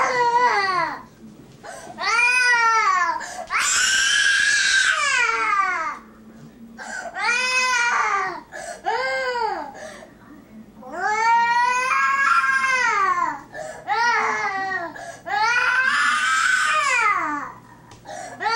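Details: Baby left unconsoled while filmed: loud, rhythmic crying in repeated wailing bursts with brief breaths between, in a small room; an ordinary infant cry.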